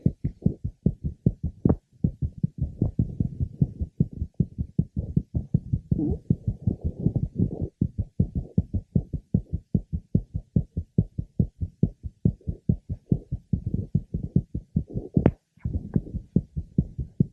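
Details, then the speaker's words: Normal heart sounds of a three-month-old baby girl, rate about 130, heard more easily than before birth when they were recorded as fetal heart sounds over the mother's abdomen. "now we can hear the heart sounds more easily she was born three months ago her heart is normal with a rate of about 130"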